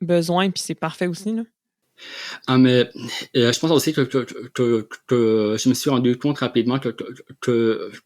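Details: Adult man who has stuttered since childhood and has received speech therapy interventions; stuttering.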